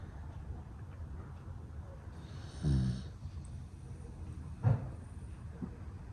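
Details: Sleeping male standard Dachshund, 9.8 kg, born February 2018: low rumbling snore with a rattle on an in-breath, then a short snort, over steady low background noise; snoring.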